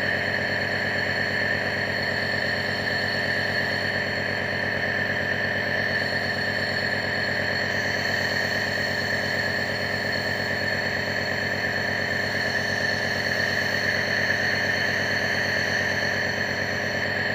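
Steady, loud mechanical hum and buzz with a rattling vibration, as from a running nebulizer compressor.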